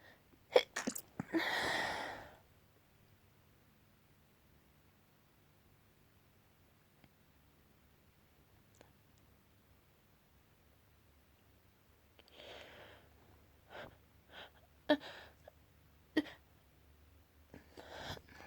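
A forceful sneeze with a quick inhaled lead-in, then after a quiet pause a run of several shorter sneeze-like bursts: a sneezing fit.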